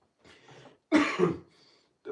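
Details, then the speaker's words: Sneeze right after a person puts a bit of water up their nose as an anti-sneeze trick that usually works: soft breathy build-up, then a forceful wet sneeze burst with a trailing exhale. "If you put a bit of water up your nose, right? Oh, quite. Usually that doesn't happen."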